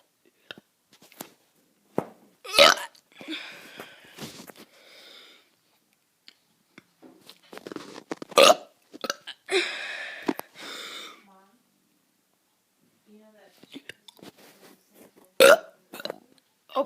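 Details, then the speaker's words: A child gives several short, forced belches on purpose, with quiet gaps between them; voluntary burping. "guys, I'm gonna be doing some burps. Hey guys, I'm gonna be doing some burps."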